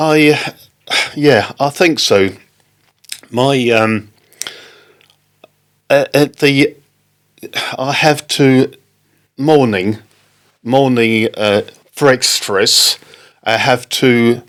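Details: Non-fluent post-stroke aphasia in an adult man, stroke in October 2019; halting speech.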